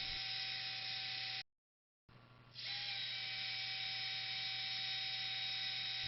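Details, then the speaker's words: Surgical wire driver inserting a second zebra (Kirschner) wire through a radial pin plate, skipping a pinhole, during distal radius malunion osteotomy fixation on a sawbone model: steady motor whine, brief stop, spin-up. "A second zebra wire is inserted, skipping at least one pinhole."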